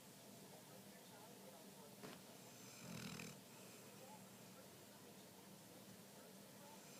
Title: Dakota snoring